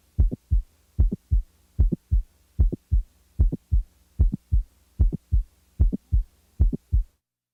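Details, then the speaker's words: Simulated heart sounds from a mitral valve prolapse patient: a regular heartbeat near 75 a minute with a sharp mid-systolic click between the first and second heart sounds, before the late systolic murmur is added. "the next example is that of a late systolic murmur in a patient with a mitral valve prolapse now the mid-systolic click is added"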